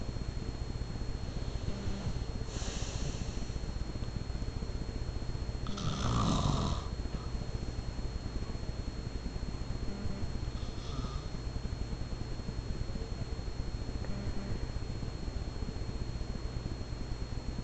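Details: Adult man (dad) snoring in sleep: rough, rattling snores recurring every four seconds or so, about 15 breaths a minute, over a steady low hum.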